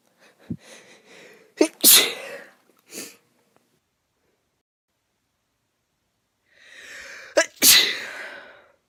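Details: Adult female with persistent nose itch while recovering from illness: two bouts of sharp sneezes, some stifled, each after a quick indrawn breath; repeated sneezing.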